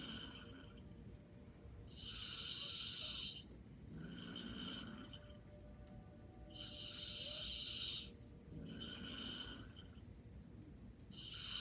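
Soft rhythmic snoring, about 13 breaths a minute, light rattling on each breath during sleep, with steady background hum.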